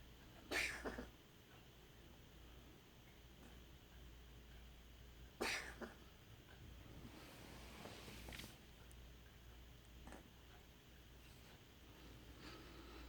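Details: A pet cat coughing: two short, harsh bursts several seconds apart over steady room hum.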